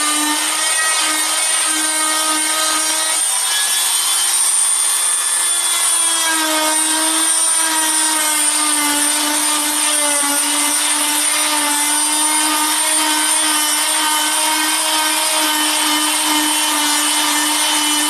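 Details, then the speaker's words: Oscillating cast saw making the second, overlapping cut on the side of a fiberglass foot and leg cast to bivalve it: steady high-pitched motor whine with slight pitch shifts. "yes we're going to start making your other cut you do want to slightly overlap your lines or they won't actually completely cut through"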